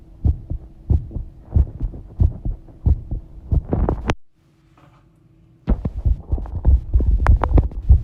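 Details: Regular low thumping heartbeats, about 95 a minute (approximate), with a brief gap mid-recording and a faint hum, recorded while bathing; normal heart sounds.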